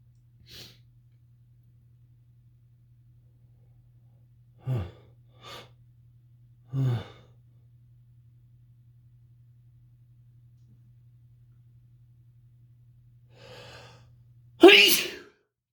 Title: Big buildup sneezes (M)